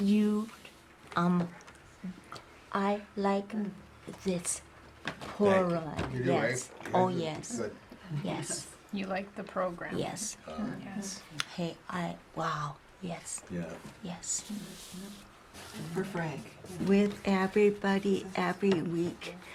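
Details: Male stroke survivor with aphasia after his stroke, at first unable to speak and then very limited in words; aphasia.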